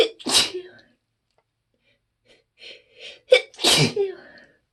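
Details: Allergic sneezing blamed on trees outside the window, with watery eyes and an itchy nose: short catching breaths build up to two forceful sneezes, with small gasps between.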